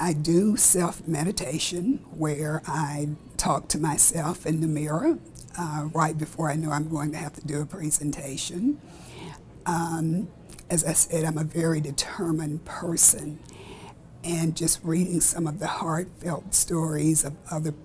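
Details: Adult woman with spasmodic dysphonia, a rare neurological disorder with vocal cord spasms during speech causing choked, strangled or breathy voice; spasmodic dysphonia.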